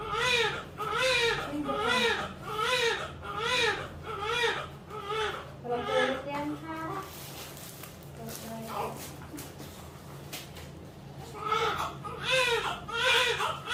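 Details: Newborn crying just after a normal vaginal birth, delivered at 9:45: rhythmic, strong wailing cries at about 77 a minute that pause and then resume, a vigorous first cry.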